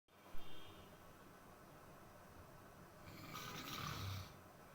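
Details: Snoring from a sleeping father: quiet room noise with one faint, low, rumbling snore near the end.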